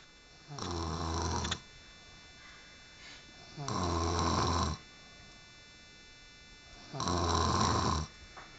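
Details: Woman snoring: loud, low, rattling snores on inhaled breaths, three in about nine seconds with quiet pauses between, about 18 breaths a minute.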